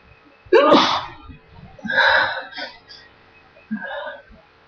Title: sneezing during the noise